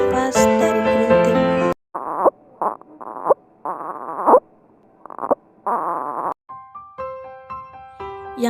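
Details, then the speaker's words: Expiratory grunting, an abnormal breath sound in which the glottis closes off airflow from the lungs during expiration: short voiced grunts at the end of each breath out, between stretches of piano music. "tiga gunting grunting atau rintihan adalah bunyi pernapasan abnormal saat ekspresi yang menunjukkan bahwa glotis telah menutup aliran udara dan paru"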